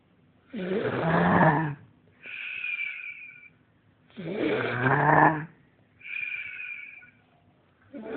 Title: Demon snores